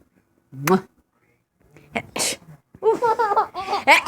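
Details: Mother sneezing while playing with her baby: a single sharp adult sneeze, followed by the baby's bright laughter and giggles.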